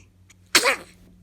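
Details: Newborn baby girl sneezing: one quick, sharp sneeze burst with a brief breathy tail, in a quiet room.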